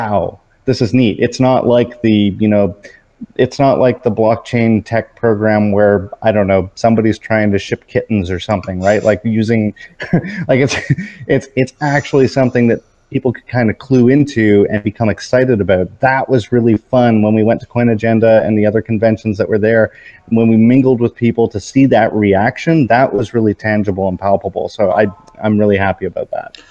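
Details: Adult man speaking; normal conversational speech.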